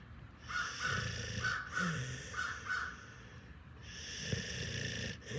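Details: Senior dog resting: low, rumbling snores in short repeated bursts, with birds chirping steadily in the background.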